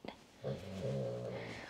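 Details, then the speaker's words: Sleeping pet dog snoring: a single drawn-out, low rumbling breath sound. "Naku, naririnig niyo si Lady guys. She is snoring."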